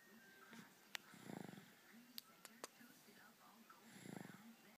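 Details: Light snoring in a baby at nap time: soft rattling, fluttering breaths about three seconds apart, with faint clicks in a quiet room.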